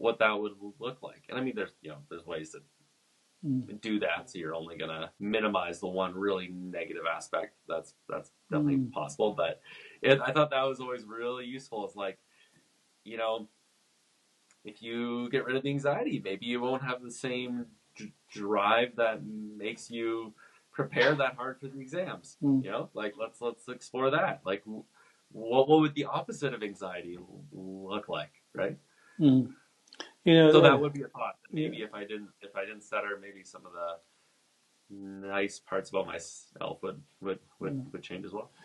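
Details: Two men who stutter in a podcast interview, one of them a speech-language pathologist; word repetitions are heard; stuttering.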